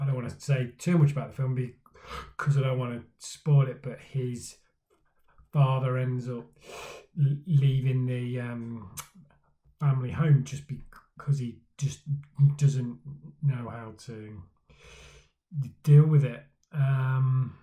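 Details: Man who stammers, speaking for Stammering Awareness Day about his own stammering journey; stuttering (stammering).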